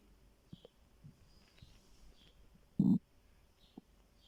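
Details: Stomach growling from hunger: quiet gurgles and squeaks with one short louder rumble; normal borborygmi.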